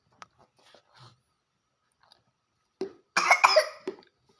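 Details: A young child who still cannot drink plain water well gives a short burst of coughs after faint swallowing sounds: coughing while drinking, choking on thin liquid.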